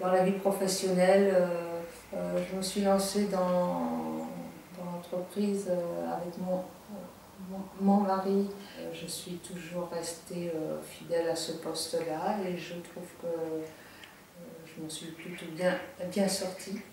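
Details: French-speaking working adult man who stutters, in a real testimony about stuttering and the workplace; stuttering.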